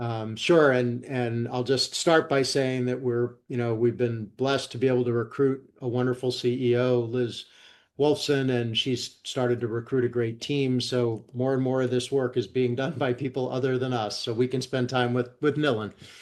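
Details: Adult male speaker; Ordinary conversational speech.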